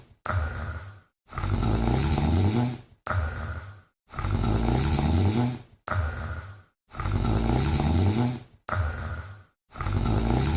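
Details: Snoring in a sleeping female cat: regular low rumbling breath sounds alternating with brief quiet pauses, about 21 breaths a minute, gentle and calm.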